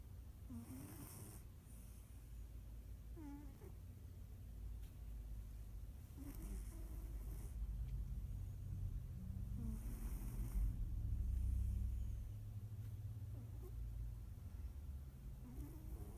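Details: Soft, low rumbling snores repeat with each breath, some with a faint snort, over quiet room noise; snoring during sleep.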